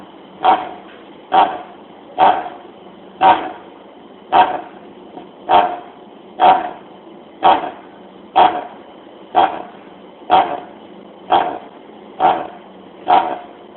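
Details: Dog with a chronic goose honk cough, the key sign of tracheal collapse: a long run of harsh, honking coughs.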